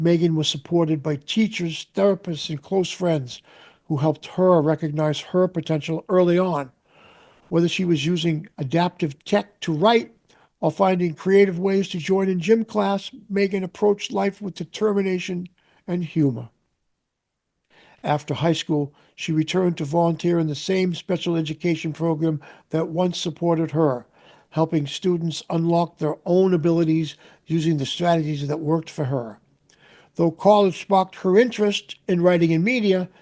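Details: Adult male narrator; Typical speech.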